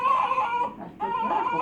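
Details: Infant cry during burping by her mother: two loud, wavering cries with a brief pause between, an ordinary baby cry.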